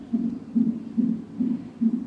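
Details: Rapid, regular whooshing pulses from a fetal monitor, about 140 a minute: the baby's heartbeat during labour in a maternity hospital, a boy born weighing 3660 g.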